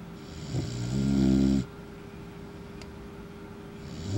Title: Snoring puppy